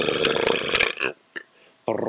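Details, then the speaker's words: Deliberate, voluntary burping demonstrated while explaining technique (sucking in air, tightening at the tongue base): one long, loud, rough belch, then a brief click and a second burp starting. "so if it gets stuck just suck in a little bit quickly and then let it go again just so you're kind of doing that but you're tightening up like right at the where your tongue starts"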